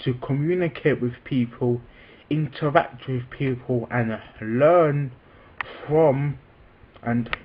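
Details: Adult man with a self-reported stammer, speaking spontaneously. Stuttering.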